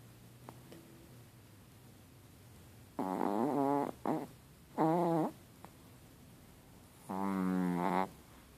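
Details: Chihuahua dog snoring while asleep: three loud, fluttering, buzzy snores about a second long, separated by quiet pauses.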